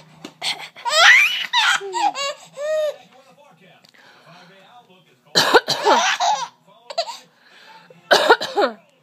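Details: Mother gives short, deliberate voluntary coughs and her baby answers with bursts of high, bubbly laughter.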